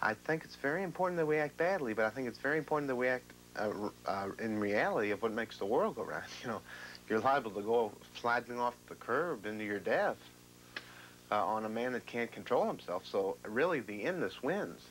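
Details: 35-year-old man with severe schizophrenia, ill for 17 years, diagnosed acute and needing intensive care, with extreme thought disorder; disorganized speech (formal thought disorder).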